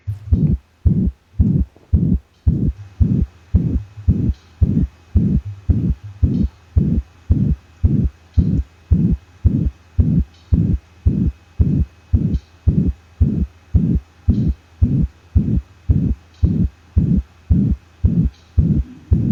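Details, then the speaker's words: Dog with mitral regurgitation and sinus arrhythmia: heartbeat near 110/min with an even, band-shaped holosystolic regurgitant murmur. "systolic heart murmurs can be divided into regurgitant quality murmurs which are band shaped murmurs they're also called holosystolic murmurs and they have a relatively even tone throughout systole these murmurs are often associated with either mitral or tricuspid regurgitation"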